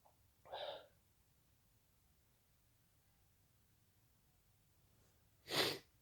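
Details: Intentionally induced, wet and intense sneeze: a short breathy intake, then after a quiet pause a single forceful sneeze burst.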